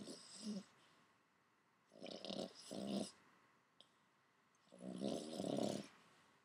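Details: A sleeping Boston Terrier snoring: loud, rattling, snorting snores with each breath, about 22 breaths a minute, quiet between them.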